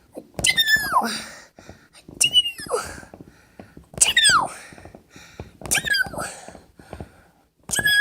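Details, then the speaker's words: A person's real sneeze, deliberately brought on, leaving watery eyes: several loud, high-pitched squealing sneezes in a row, each trailing off into a falling squeak. "That was it. Hope you guys enjoyed. It's my sneeze. My eyes are actually watery. That's actually my real sneeze."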